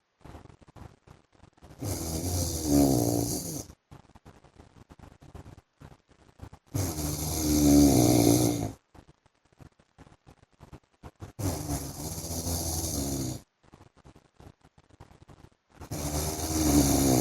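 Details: Loud, rattling snores on each inhalation, about 14 breaths a minute, with quiet pauses between, from a sleeping husband; snoring.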